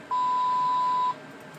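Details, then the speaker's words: Single steady one-second electronic beep over faint room noise: a Sigma Spectrum IV infusion pump alarm for air in the line, shown in a demonstration of using the pump. "here's another uh piece of advice that it's giving air in line so you want to silence this and it tells you how to uh how to check it"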